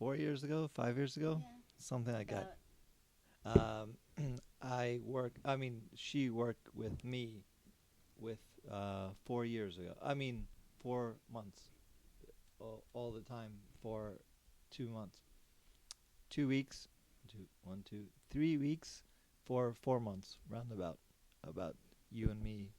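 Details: Non-fluent aphasia in an adult man after a stroke during surgery about eight years earlier, with word-finding difficulty and self-corrections.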